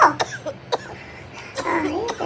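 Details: A person coughs in a winter comedy short while talking on a phone call; this is a comedic cough.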